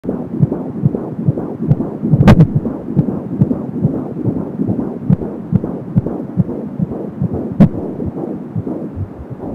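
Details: Fetal heartbeat at 17 weeks of pregnancy on an Angel Sounds home fetal Doppler: rapid, rhythmic whooshing pulses at about 170 beats per minute, with whooshing umbilical cord sounds.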